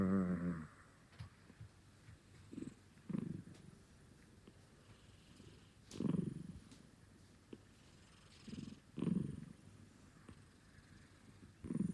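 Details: A 6-month-old Bengal kitten sleeping and snoring: soft, low rumbling breath noises about every three seconds, roughly 20 breaths a minute.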